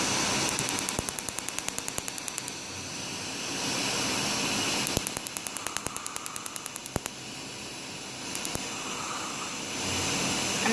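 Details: Tattoo removal laser firing with rapid, regular sharp clicking pulses in bursts over a steady hiss, during an 8th removal session on a peace sign tattoo with a very dark outline; underlying skin pigment affected, 3-week healing period between sessions.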